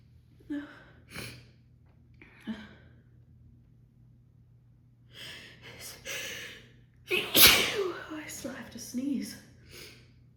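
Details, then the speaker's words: Female with an uncontrollable sneezing fit after holding back sneezes on the phone: run of sharp, forceful sneezes, each preceded by a quick indrawn breath, loud harsh burst near the end: sneezing. "Bless me. Why are these so strong?"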